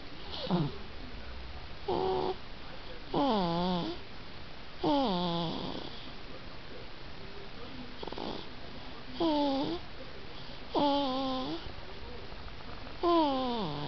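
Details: 4-month-old baby girl snoring pretty loud while asleep: repeated short, pitched, squeaky snores with each breath, about every one to two seconds; snoring.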